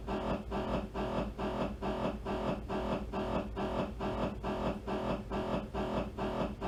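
Loud, rapid, regular buzzing pulses about two per second; MRI scanner noise during a T2 axial sequence, a normal machine sound.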